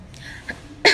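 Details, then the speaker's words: After near-quiet room noise, a single abrupt acted cough bursts out at the very end and is cut short, showing the wrong way to cough (into the hands) for cough etiquette. "yang pertama itu batuk atau bersin menggunakan tangan kepala yang kedua batu atau bersin dengan menggunakan tangan"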